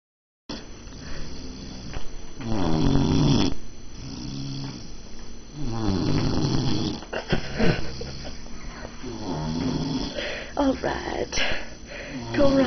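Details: Man passed out on a couch, described as drunk, snoring: loud, low rattling snores on each inspiration, about four to five in the clip, with room noise between.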